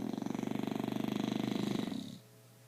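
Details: English Bulldog sound asleep and snoring: a loud, rapidly fluttering, vibrating snore lasting about two seconds, then quiet.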